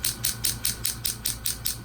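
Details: Low-level shockwave therapy to the side of the right ankle for a chronic partial tendon tear seen on MRI, 8 days into treatment alongside PRP injections: rapid regular clicking pulses, about five per second, from the device.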